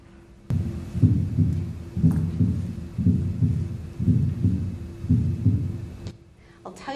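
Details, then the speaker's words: Regular low heartbeats near 60/min with an extra soft thump late in diastole just before each S1: an S4 gallop, suggesting a stiff ventricle, teaching recording contrasted with S3. "So how are you going to tell them apart? Well, the reality is it's pretty hard. But just remember that an S3 is very early in diastole, and the S4 is very late."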